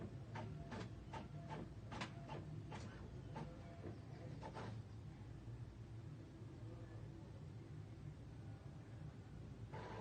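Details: Blood pressure measurement by auscultatory-palpatory method, stethoscope over brachial artery while palpating radial pulse; rapid sharp mechanical clicks over steady low hum as cuff slowly deflates; systolic pressure 100.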